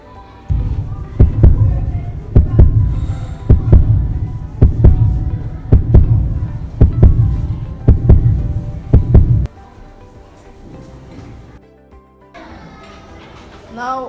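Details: Resting heartbeat of a Grade 6 student, heard through a simple model stethoscope in a school science demonstration before jumping jacks: loud, regular low thumps for about nine seconds, then quieter room noise. The rate was counted as 100 per minute.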